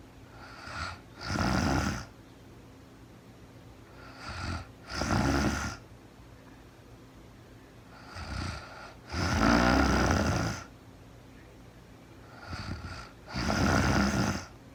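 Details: Real-time recording of a woman asleep at night after being very tired, no talking, described as REM sleep: loud, rattling snores with quieter in-between breath sounds, about 14 breaths a minute, irregular in length; snoring.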